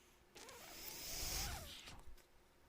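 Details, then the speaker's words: Mechanical ventilator cycle: the speaker's own ventilator gives a motorised whir rising and falling over about two seconds, one breath cycle, against quiet room noise while he introduces his podcast. "hello everyone my name is brennan maher that noise you're hearing is my ventilator and welcome to paige turners they were not my star wars podcast"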